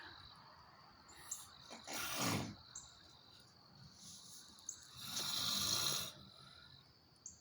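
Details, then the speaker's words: Adult man in deep sleep in a recliner, heavy snoring: two loud, rough, rattling snores about three seconds apart, with crickets and insect chirps in the background. "listen to him could play orchestra music with him i could scream and holler and he never hears me because he's asleep"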